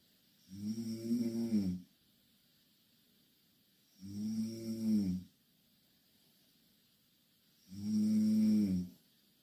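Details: Two Korean girls snoring in the same bed: three loud, low, buzzing snores about 17 a minute, each lasting over a second with quiet pauses between; snoring.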